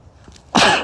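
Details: Male with a cold, tagged sneezing, cold and allergies; single abrupt, forceful sneeze after a brief quiet lead-in; sneeze.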